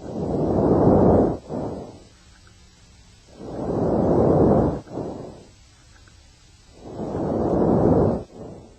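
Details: Normal vesicular breath sounds.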